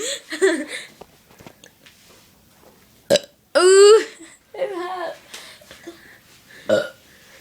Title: my sister's burping problem